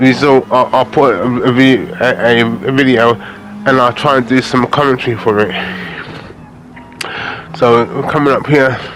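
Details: Adult man with aphasia after a major stroke in August 2013, doing gaming commentary to practise his speech; aphasia.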